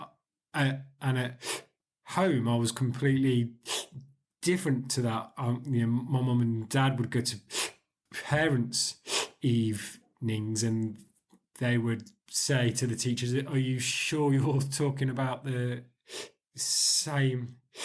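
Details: 40-year-old man with stuttering (stammering) since about age 4 or 5; he still stammers today, with ongoing blocks.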